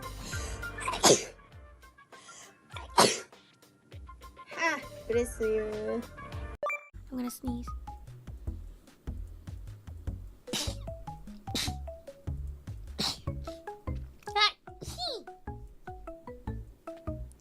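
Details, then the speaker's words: Compilation of sneezes by Nijisanji VTuber livestreamers: a series of sudden sharp sneezes from different people, each a quick intake then explosive burst, with light background music between. "Bless me.うわ、くしゃみ出た、くしゃみ。"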